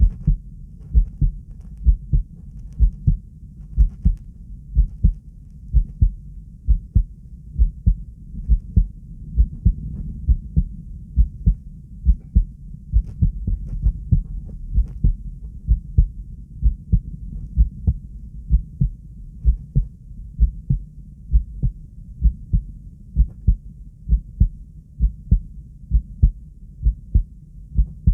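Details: Strong, regular, low heart thumps at a slow pace of about 65 per minute in subject b1: controlled bradycardia (slow heartbeat).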